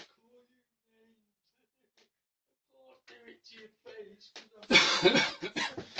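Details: A man coughs during a heated household argument.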